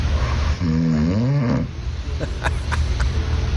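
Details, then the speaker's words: Snoring from an adult man, recorded on an iPhone while he slept and played back. "Uh, this is recording through his iPhone of my actual snoring."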